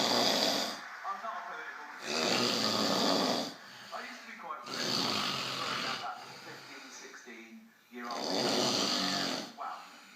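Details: Man snoring heavily in sleep: loud, rough, rasping snores every two to three seconds, with quieter breathing between them.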